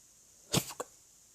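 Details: Drunk person: a single abrupt throaty hiccup with a brief trailing catch; an ordinary hiccup.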